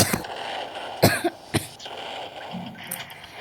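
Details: A few sharp cough bursts from an adult over faint room noise during a game showcase; cough.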